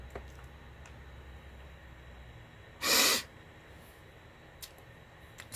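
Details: A single sharp, hissing nasal burst against quiet room noise as an adult sniffs powdered cannabis ("sand"); forceful sniff or snort.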